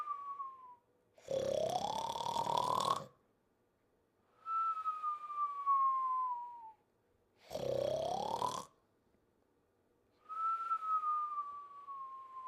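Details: Sleeper: loud rasping snores on each in-breath, each followed by a drawn-out whistling out-breath, about 10 breaths a minute; snoring with a nasal whistle.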